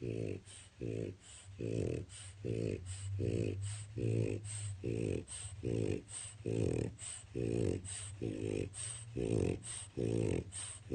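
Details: Loud, rhythmic rattling snores, about 20 a minute, each a coarse vibrating breath, from a French Bulldog napping in his crate in the afternoon: snoring.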